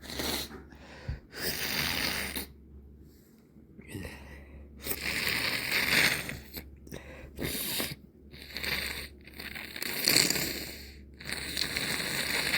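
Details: Evening recording of a person whose nose has been irritated for days and rubbed red: a series of sneezes, several muffled and stifled, with sniffing and nasal snorts between them from a stuffy nose.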